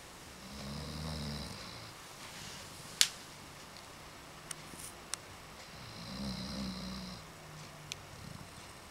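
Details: Very tired dog after 4 days at a kennel, asleep: two soft, low snoring breaths with faint wheezy whistles, plus clicks and room noises: snoring.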